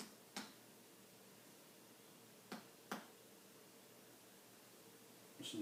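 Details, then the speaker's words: Abdominal percussion during a nurse's skills-demonstration assessment of a female patient: four soft, hollow taps a few seconds apart using indirect percussion over all four quadrants; dullness in left lower quadrant, overall findings normal. "now I'm going to percuss or tap again using the indirect percussion method over all four quadrants"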